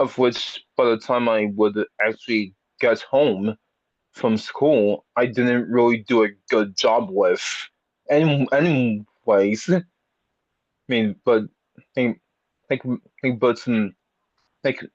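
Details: Speaker who has had speech therapy for a speech impediment, with many repetitions and revisions; stuttering.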